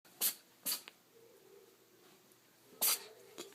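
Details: Cat sneezing: three short, sharp hissing bursts of air in a quiet room.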